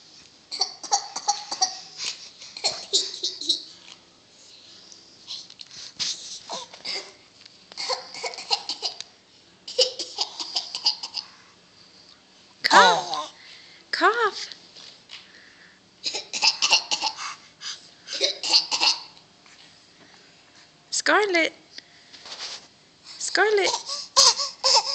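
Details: A young girl fake coughing on purpose: repeated short, breathy, deliberate coughs mixed with squeals and giggles.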